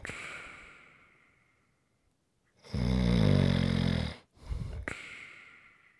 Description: ASMR - Great snoring sounds to rest and relax to.